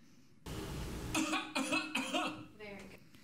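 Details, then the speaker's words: Voluntary cough from ALS patients with adequate, normal airway protection during swallowing, shown in a speech-language therapist's video vignette on airway protection; voluntary cough with adequate airway protection in ALS. "we'll start with two ALS patients that have adequate or normal airway protection during swallowing"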